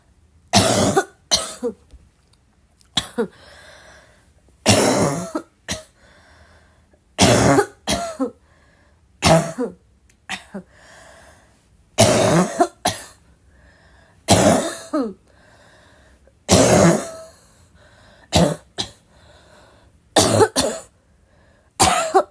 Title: uninterrupted coughing fit 2